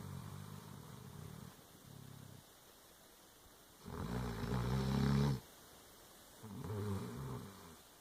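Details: Snoring from a female Dobermann dog.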